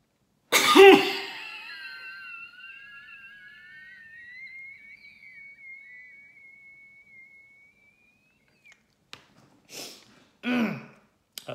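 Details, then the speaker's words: Occupational spirometry demonstration: a sharp forceful blast of breath through a mouthpiece, then a long whistling outflow and a few short coughs; cough during a forced expiratory effort. "Wow I coughed a bit there as you can see it sent me a lovely purple color"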